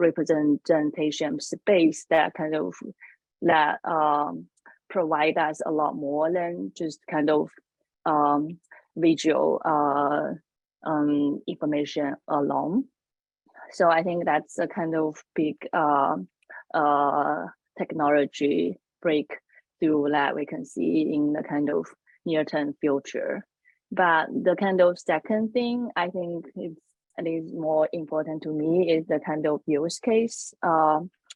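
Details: Adult woman panelist who says she has a stutter, speaking English: stuttering.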